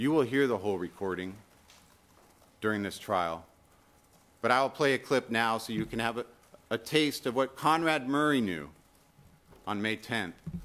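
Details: Adult man speaking; normal speech.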